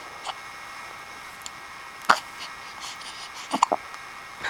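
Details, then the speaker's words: A 1-week-old baby girl hiccuping: a few soft, abrupt little catches in her breathing, spaced irregularly in a quiet room. "you got the hiccups. Go, go, go. In and out."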